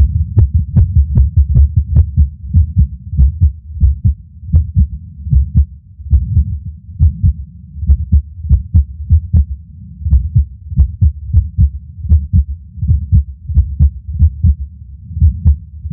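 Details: Loud low heart thumps, roughly 80 a minute, with uneven spacing and occasional longer pauses: an irregular heartbeat with skipped beats; the person says they passed out near the end.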